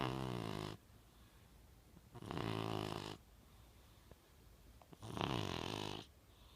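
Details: Young male British Shorthair Blue cat snoring while asleep: three low, rattling snores about a second each, separated by quiet pauses. Snoring.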